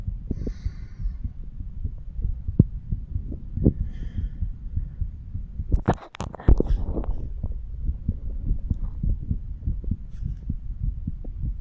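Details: Normal heart sounds in a 35-year-old male auscultating his own chest over the mitral, tricuspid, pulmonary and aortic areas: low heart sounds with a loud handling scrape as the chest piece moves.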